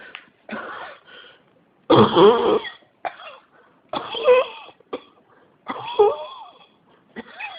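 Repeated coughs in irregular bouts with whistly, strained sounds between them; a cough that keeps going.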